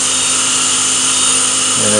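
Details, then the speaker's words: CO2 dental laser (Deka, 10,600 nm, 4 W continuous) used for digital curettage of the gingival sulcus in periodontal disease treatment: loud continuous high-pitched hiss and whir as the tip sweeps around the gum. "what we're doing is we're taking the CO2 laser and we're doing a digital curage you just gently sweep it around the"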